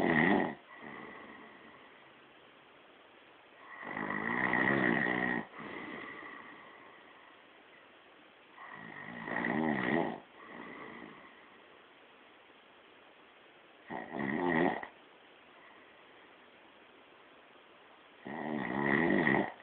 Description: i got caught snoring, it wasnt me!?